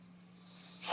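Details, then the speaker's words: Soft airflow hiss building to a louder rush over a steady low hum, from the speaker's own mechanical ventilator. "My name is. That noise you're hearing is my ventilator."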